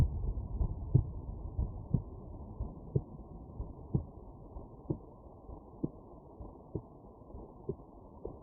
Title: Heartbeat auscultation stethoscope heart sounds - Erb’s point - customise parameters of sound